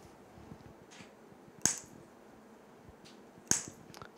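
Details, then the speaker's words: Transcranial magnetic stimulation demo, operator stimulating himself over the motor cortex hand area: two sharp, loud coil discharge clicks about two seconds apart over quiet room noise. "I will stimulate here look at my fingers see when I deliver the stimulus electromagnetic field goes through my clothes muscles rich spiritual nerve"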